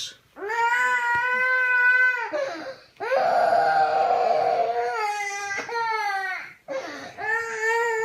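Loud, sustained wailing cries in long bursts with brief gasping pauses between them, typical of a distressed young child's crying.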